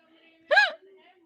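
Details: A single brief, sharp, voiced squeak-like hiccup in a quiet room.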